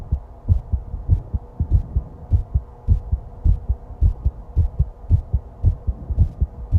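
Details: Own heartbeat recorded while lying down and breathing, with stomach growling; heart pounding and excited partway through: steady, deep thumps at roughly 110 beats a minute with a faint background hum; normal heartbeat.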